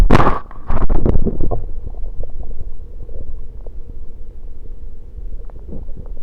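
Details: Stomach gurgling recorded over the abdomen as soda is gulped and flows into the stomach, with burps; bowel sounds.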